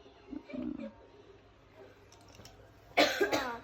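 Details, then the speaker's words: Young child with a cough who finds taking medicine hard and ate iced watermelon; cough. "katanya batuk, minum obat susah, makannya es buah semangka."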